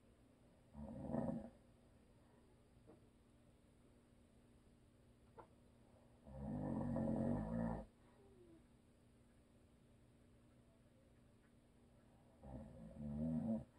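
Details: Husband who always snores, recorded for ASMR with no video: three rough, rumbling snores on in-breaths several seconds apart in a quiet room; habitual snoring.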